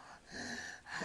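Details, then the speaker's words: Child with obstructive sleep apnea during sleep: breath-holding apneic pauses as the tongue falls back, then a gulping gasp as breathing resumes. "now watch he's holding it he's holding it he's holding it he's holding it he's still holding his breath and that's going to gulp again there he goes"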